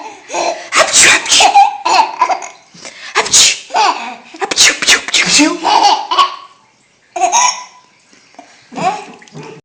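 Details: An adult repeatedly fake-sneezing playfully, with loud baby laughter after each mock sneeze.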